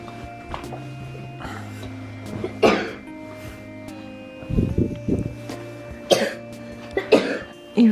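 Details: A sick child with a staphylococcus and streptococcus infection, on antibiotics, coughs repeatedly in short bursts, sometimes into a pillow, over background music; a persistent coughing fit.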